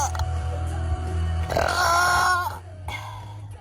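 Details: Woman burping in a pre-gym burp challenge before a leg-day session: a single long, loud, drawn-out belch with shifting tone over music.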